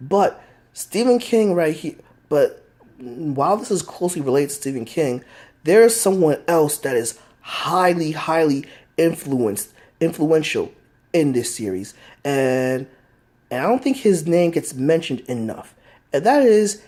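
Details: Adult man who states he has a stutter that is easily heard; phrase repetition heard ('as successful as successful as'); stuttering.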